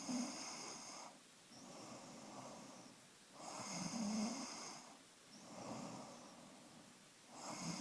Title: Snoring!!!